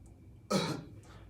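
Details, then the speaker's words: An adult man with a C5 cervical spinal cord injury (quadriplegia) coughs on his own without assistance: a single short, soft cough with little force, a weak cough that struggles to clear his airway. "has an injury up in his cervical region. It's higher - it's a c5 level injury, and so it's difficult for him to really produce a strong cough to clear his airway as well."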